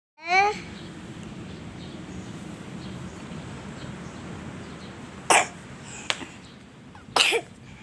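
A child gives two short, sharp dry coughs about two seconds apart over steady room noise.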